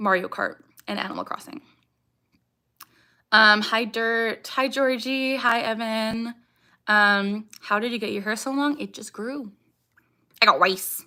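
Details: Young woman with Tourette syndrome, vocal tics saying "I got rice", "ha" and barking; tics increase with anxiety or excitement and during livestreams; vocal tic.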